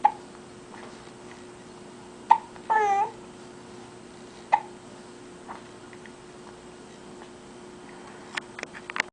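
Quiet room with a few sharp, brief catches of breath spaced a couple of seconds apart, plus a short vocal sound; fits hiccups.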